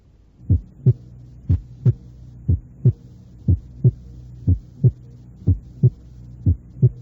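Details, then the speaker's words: Heart sounds at the second left intercostal space, regular at about 60 a minute, with no splitting of S2; the crisp single second sound is louder and higher pitched than the first. "escuché unos ruidos cardíacos en el segundo espacio intercostal izquierdo en primer lugar sin desdoblamiento del segundo ruido figura 2a"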